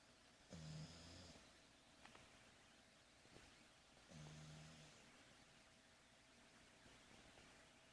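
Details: A pet sleeping on its owner's lap gives two low, buzzing snores about four seconds apart, with quiet room noise between them: snoring.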